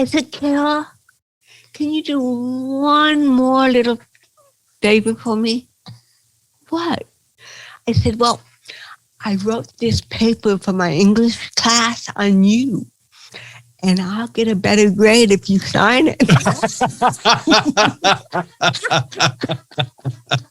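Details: Adult woman comedian with cerebral palsy, real, retelling her first stand-up routine; dysarthria (cerebral palsy).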